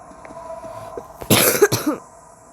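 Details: Person who says they are sick tries to hold in a cough while talking. Two loud, harsh cough bursts come close together, followed by a short throat sound, in a quiet room.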